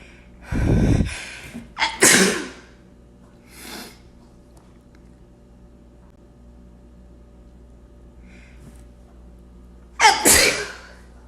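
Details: Three sharp, explosive sneezes, each preceded by a quick inhalation, in a quiet room; sneezing.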